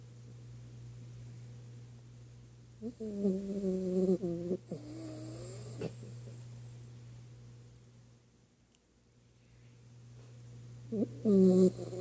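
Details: Sleeping dachshund snoring: intermittent low, groaning snore sounds with snorting breaths over steady room hum.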